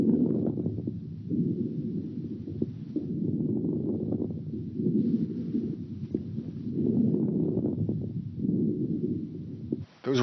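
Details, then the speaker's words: Repeated breath sounds with brief popping crackles near the end of each inhalation, as the lungs pop open at the end of inspiration: late inspiratory crackles (rales). "late inspiratory rails and hopefully you were able to hear that crackling sound as the lungs popped open at the end of inspiration"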